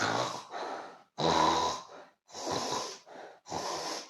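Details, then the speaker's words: Simulated snoring in a scripted English-conversation comedy skit: several loud, rough, rattling breath sounds with short pauses, an acted imitation of snoring like a pig. "I'm vibrating I mean you are making loud sounds like"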